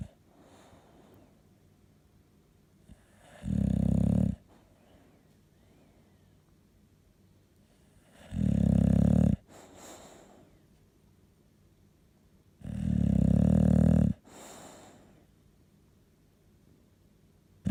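Three loud, regular rattling snores, one on each breath in, separated by quiet breathing out, about 14 breaths a minute.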